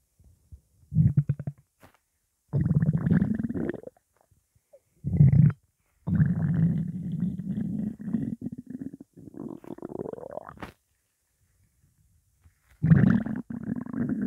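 Loud, drawn-out low growls and gurgles in several long bursts, one rising in pitch: hunger rumbling from an empty stomach.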